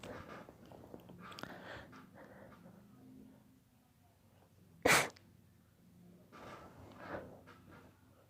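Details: Daughter's allergy sneeze fit: a single sharp, forceful sneeze midway, with faint child vocal sounds and quiet room noise; sneezing from allergy.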